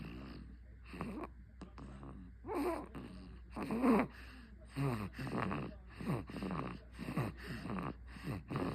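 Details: 53-day-old baby boy asleep, soft rhythmic nasal snorting and rattly snoring with each breath under a low room hum; infant snoring.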